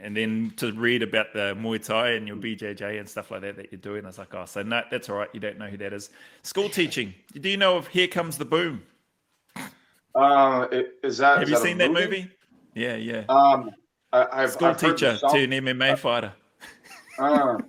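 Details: Adult men in conversation; normal speech.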